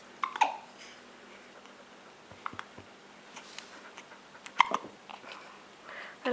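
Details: Baby lying on his mat with hiccups, trying to cry: repeated small, abrupt hiccup catches with soft babbling and breathing between, quiet room; hiccups.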